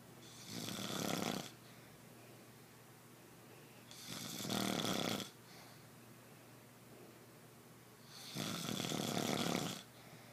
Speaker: Babe, What? quit snoring. What are you doing? Quit snoring.